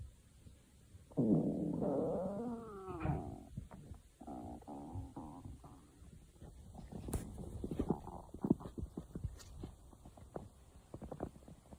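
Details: Stomach growling: long gurgling, whining rumbles followed by a run of irregular bubbling pops from gas and fluid moving through the gut.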